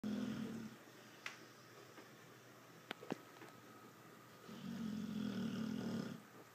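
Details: Pitbull dog snoring: two low, rattling snore sounds on breathing in, with a few faint clicks in a quiet room between them.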